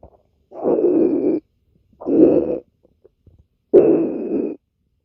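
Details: Three low, drawn-out gurgling rumbles of about a second each: ordinary stomach growling (borborygmi).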